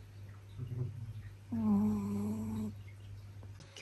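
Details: Dogs sleeping upstairs snoring back and forth, one more faintly due to distance; dog snoring.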